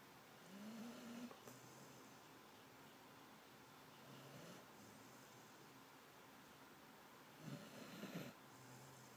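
Soft, irregular snoring breaths with occasional brief squeaky whines, over steady room noise.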